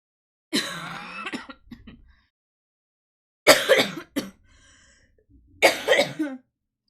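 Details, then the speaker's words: An adult streamer, very ill with a circulating bug, gives three harsh cough bouts with throat clearing; sounds dry but she says it is not: productive (wet) cough. "it sounds like I've got a dry cough, but it's very much not a dry cough."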